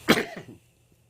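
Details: Cough from an adult man during a TV interview, who notes hoarseness he attributes to his seasonal asthmatic allergy (November to January).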